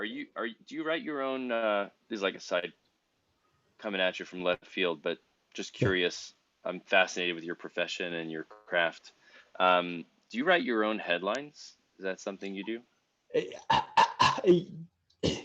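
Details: Adult man; typical speech.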